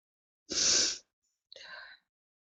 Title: woman has a prolonged sneezing fit